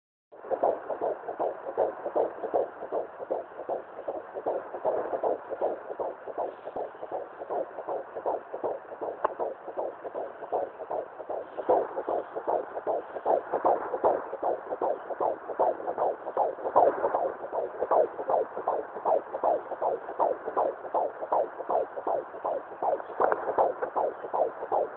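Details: Fetal Doppler at 17 weeks 5 days of pregnancy: rapid, regular whooshing fetal heartbeat, about 155 beats a minute.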